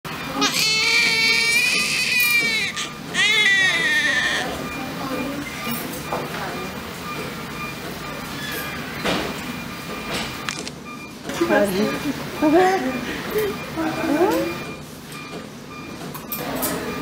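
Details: Newborn baby girl's first cry immediately after birth: loud, strong wailing with adult voices and room noise around; newborn first cry.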